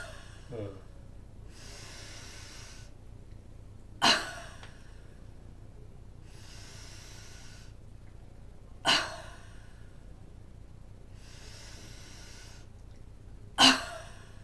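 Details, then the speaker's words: Three slow inhalations with fists at lower ribs and elbows raised, each followed by a forceful open-mouth 'ha' exhalation bringing elbows down: huffing (forced expiration) technique demonstration for clearing lung secretions. "अब हम breathe करते हुए elbows को ऊपर लेके जाएंगे, हाँ, और छोड़ेंगे जब तो फोर्सफुली हा साउंड करके नीचे लाएंगे।"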